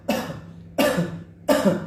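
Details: Dry cough, discussed as a primary coronavirus symptom: three short, forceful coughs in quick succession from an adult, with faint steady hum behind.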